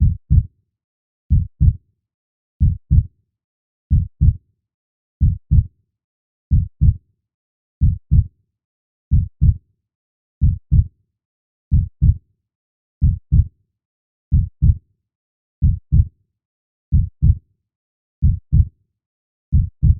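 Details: Steady, regular lub-dub heartbeat at about 46 beats a minute with clean low thumps and quiet gaps, a recording played as a sleep aid; normal heartbeat.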